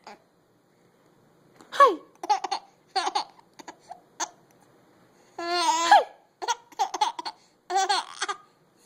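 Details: Laughing: bursts of laughter broken by short, sudden voiced catches, hiccups interrupting the laugh; hiccups.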